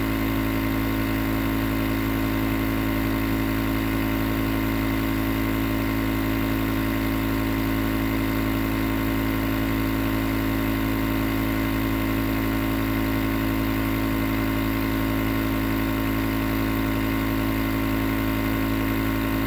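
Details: Continuous nebulizer compressor running, recorded as white noise for sleep: steady mechanical hum and buzz with an even hiss throughout.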